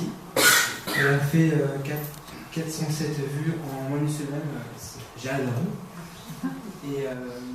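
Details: Stuttering in a 22-year-old man who has stuttered since about age 5.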